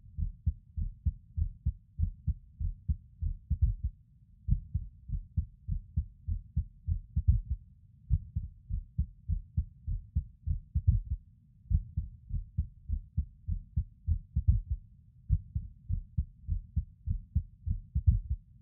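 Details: Adult male lying on his bed: steady, dull heartbeat thumps with occasional brief pauses breaking the rhythm, heard as skipped beats (irregular rhythm).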